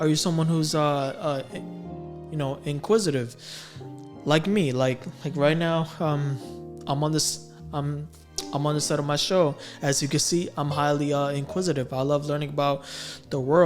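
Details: Stuttering in a male adult who stammers.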